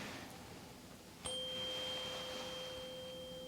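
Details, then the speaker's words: Weber test on a real person during a routine ear exam: a tuning fork struck once gives a clear, steady ringing tone that slowly fades. The patient then hears it in both ears but louder in the left. "Okay, so this is the Weber test. I'm just going to hit the tuning fork. Let me know if you hear it first on your right ear, your left ear, or both."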